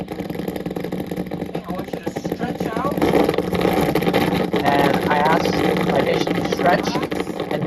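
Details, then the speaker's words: Needle EMG from a muscle while the patient stretches out and contracts voluntarily: dense crackling, roaring static of a normal full interference pattern, heard during a talk on dystonia. "this is again the kind of uh muscle contraction that you heard when I gave you that first example when I asked the patient stretch out. I want to I want to feel I want to hear your muscles work."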